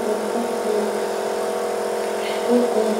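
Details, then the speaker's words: Nebulizer compressor noise: steady motor hum with faint regular pulsing during nasal inhalation therapy for rhinosinusitis in a child, seated, nozzle against the nostril, other nostril occluded; device sound changes when the medication is fully nebulized. "ку продолжительность ингаляции от п до 12 минут она зависит от объёма медикамента при полном его распылении изменяется звук работы прибора"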